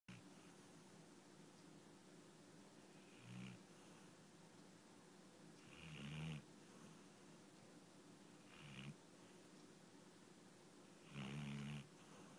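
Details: Sleeping yellow Labrador Retriever snoring with low-pitched, rumbling breaths about every two to three seconds.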